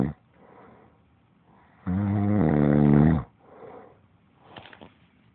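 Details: Snoring that happens every night during sleep: one loud, buzzy snore lasting about a second and a half, with soft breathing before and after.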